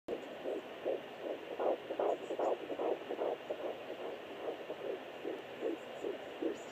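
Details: Normal fetal heartbeat at 13 weeks 6 days of pregnancy on a home pocket fetal Doppler: fast, regular whooshing beats, hand-counted about 154 bpm; device's bpm display inaccurate.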